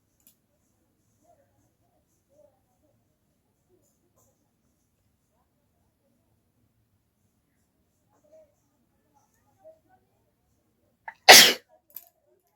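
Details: Sneeze performed for a requested sneezing challenge without a hanky, provoked by folding paper into the nose: near silence, then a single sharp, explosive sneeze near the end.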